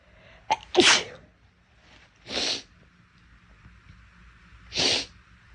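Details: Girl sneezing: three sharp, hissing sneezes in quick succession, the first preceded by a brief intake of breath.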